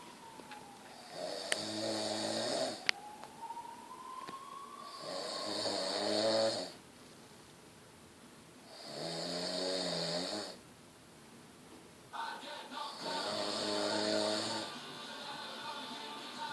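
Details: Loud, rattling snores recurring at about 16 per minute, each a long vibrating breath; snoring.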